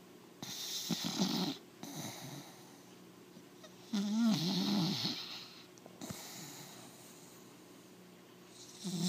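Rhythmic fluttering snores from a sleeping puppy, a few breaths over nine seconds, with a faint steady hum in the room.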